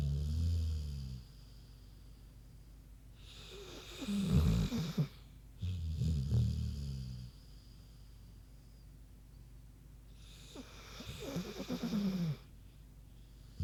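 Deep, rumbling snorts and snores with hissy breaths between them from a sleeping pig. This is ordinary, harmless sleep snoring.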